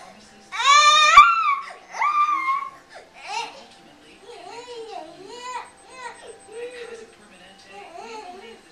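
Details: Young child in distress: a loud, high-pitched scream giving way to repeated whimpering, sobbing cries; seems scared and unwell, answers yes when asked if tummy hurts, mother suspects GI problems.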